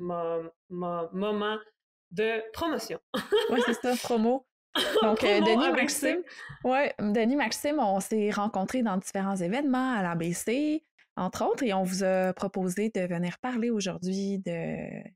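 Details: Stuttering in a French-speaking man in his thirties, speaking spontaneously.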